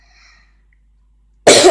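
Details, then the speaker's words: A single abrupt cough from a child who says she is sick and her voice has changed, after a near-silent pause, with faint background tones. "Et en fait, vous voyez, je suis malade, désolée si je tousse du coup."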